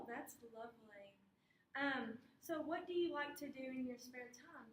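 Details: Adult woman speaking; Clinician speech.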